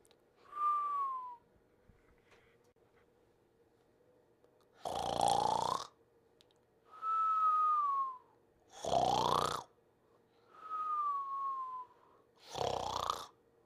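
Sleep snoring with two alternating sounds, a whistling nasal tone and a louder rattling snore, about five cycles across the recording.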